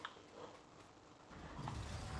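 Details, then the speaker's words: Labrador dog snoring loudly in the background: snoring. "Now, if you can hear any snoring in the background, no, it's not me. I have a Labrador and it is very loud at snoring."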